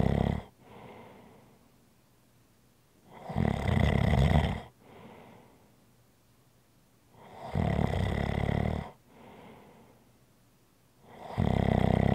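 Loud, rattling snores on each breath in, with softer breaths out, about every four seconds: snoring, roughly 15 breaths a minute.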